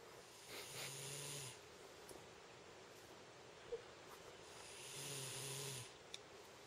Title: Snoring Me :-)